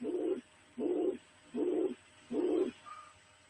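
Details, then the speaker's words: Mitral regurgitation murmur on the Harvey cardiology simulator manikin: steady, higher-pitched blowing murmur filling each systole at about 78 a minute, from blood refluxing into the left atrium, distinct from the preceding aortic stenosis sound. "Você repare que esse som é bem diferente do anterior, que era da estenose aórtica, um som mais agudo, né? De sopro mesmo, que é o sopro da insuficiência mitral,"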